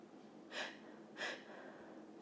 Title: 2 Big Sneezes (F)